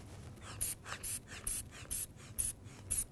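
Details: Repeated squeezing and hissing of a hand bulb as a blood pressure cuff is pumped up on a woman's arm during a nursing vital-signs demonstration, second attempt on the same arm; reading 112/68.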